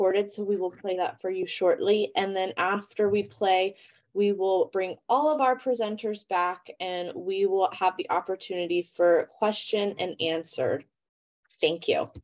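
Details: Adult woman; normal speech.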